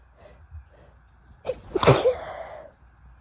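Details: Female hitchy sneezes with nose blows: short catching inhalations build up to one strong voiced sneeze that trails off with an exhale.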